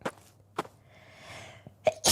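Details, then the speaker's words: Several sneezes in a row from a VTuber: short, sharp, explosive bursts of air with quiet gaps between; sneezing. "that's six sneezes that's a lot of sneezes okay"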